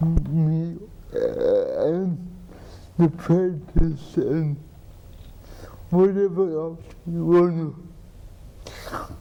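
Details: Adult man with cerebral palsy, treated with an implanted pump injecting medicine into the spine to reduce spasticity; the host repeats his words for viewers; dysarthria.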